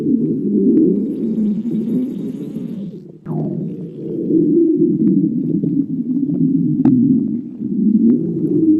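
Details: Stomach growling (borborygmi).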